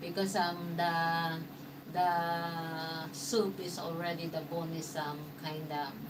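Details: Man, an expat, about 115 days into self-therapy after a mild stroke, restarts sentences with hesitations; mild aphasia after stroke.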